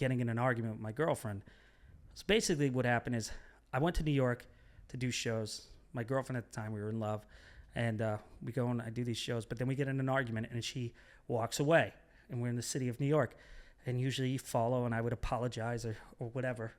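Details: Adult man speaking; ordinary speech.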